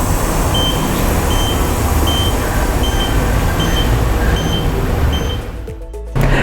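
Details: Oxygen supply alarm on a GLP HFNC-01 high-flow nasal cannula device: repeated short high beeps over loud steady machine noise.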